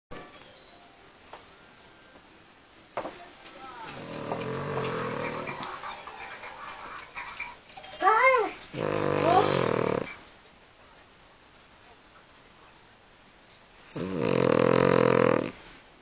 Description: it's a proper snoring dog, funny as =]